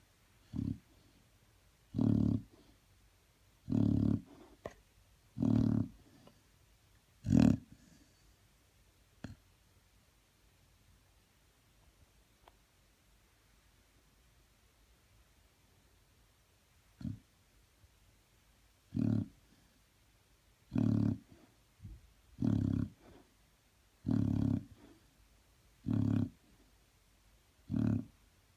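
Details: A Chow Chow dog snores in loud, rough bursts, pausing about ten seconds midway before resuming; the owner says he fakes snores when petted.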